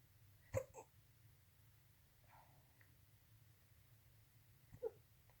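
Two soft, sharp catches about four seconds apart in a quiet room with low hum: hiccups.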